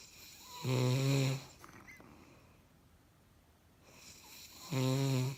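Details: Adult woman snoring in her sleep, recorded by her husband: two loud, low, vibrating inhalations about four seconds apart with quiet exhalations between.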